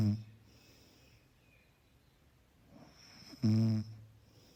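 Short, deep buzzing snores on the in-breath, separated by quiet breathing, over a steady faint hum; ordinary snoring.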